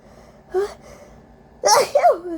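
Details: Induced sneezes during a cold with a very congested, sensitive nose: short inward catch then one forceful, explosive sneeze with a voiced tail, in a quiet room.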